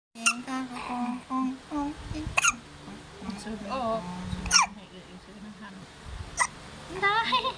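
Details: Baby hiccups: several sharp, brief catching sounds among babbling and soft vocal noises, faint music in the background.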